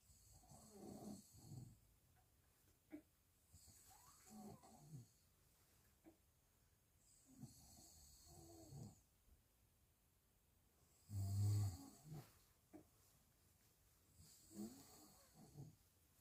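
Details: Father snoring while his newborn baby cannot sleep: quiet, low rattling snores recurring every few seconds with a louder snort near the end, heard from across the room; snoring.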